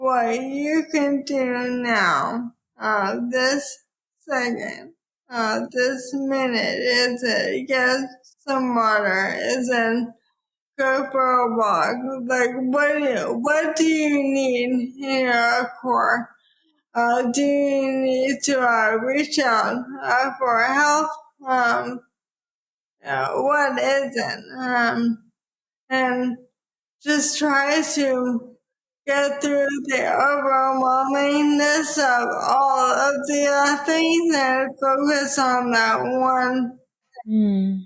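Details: Dysarthria in a woman with probable ALS, diagnosed in 2014 at age 33 after rapid early progression (from Ironman racing to walking with a cane within six months), now about ten years after diagnosis.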